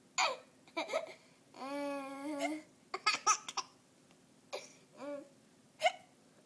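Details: Young child hiccups with short, abrupt hiccup sounds mixed with high-pitched giggles and a drawn-out squeal.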